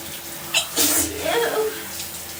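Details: Female sneezing in the shower after getting soap in her nose with hot steam: a sharp inhaled catch, then one explosive sneeze with a brief voiced tail over running shower water.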